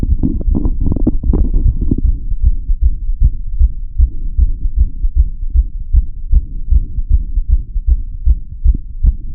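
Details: Steady, deep, muffled heartbeat heard through a stethoscope, audio-enhanced, with brief rustling at the start.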